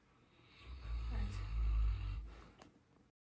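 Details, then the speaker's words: A person sleeping and snoring, heard at home: a single deep, rumbling snore on an in-breath, rising and fading over about a second and a half in a quiet room. "নাক ডেকে ঘুমাচ্ছে শুনতে পাচ্ছ নাক ডাকা"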